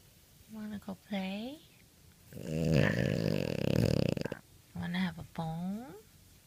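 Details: French Bulldog (Frenchie) snoring: short throaty grunts and a long rattling, vibrating breath repeating in sequence, typical of a small flat-faced dog.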